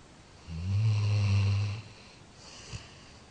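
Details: 13-year-old Labrador dog sleeping and dreaming, snoring: one long, low, droning snore lasting over a second, then quiet breathing.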